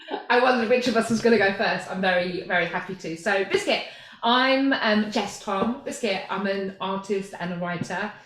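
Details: Tourette syndrome in a woman with tics since childhood, diagnosed in her mid-twenties; tics sometimes intensify several times a day, including frequently repeated words; Tourette syndrome vocal tics.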